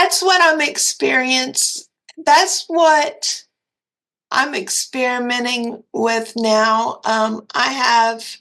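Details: Dysarthria from cerebral palsy in a 56-year-old woman with quadriplegia; a commenter said she sounded like she was having a stroke.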